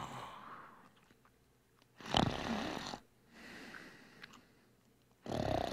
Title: Sound Effects - Snoring